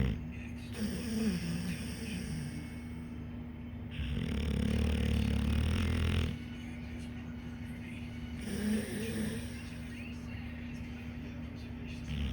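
Rough, low rattling snores recurring with breaths over steady background noise and faint music; ordinary snoring.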